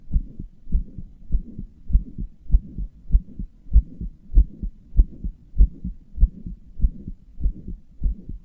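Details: Self-described weak, inefficient heart that murmurs and palpitates: steady heartbeat about 98 beats a minute with a soft rushing sound filling the gaps between beats, heart murmur.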